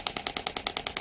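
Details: Rapid, regular sharp clicks at about ten a second from a radial-type shockwave therapy device (titanium, 20 mm) firing over the demonstrator's own gelled arm, showing squeezing technique that can cause bruising; radial shockwave device firing.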